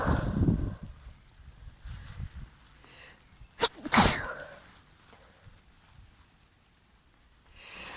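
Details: Female sneezing outdoors after being caught in the rain and getting wet: one sharp sneeze burst with a brief catch before it, over outdoor and rain noise.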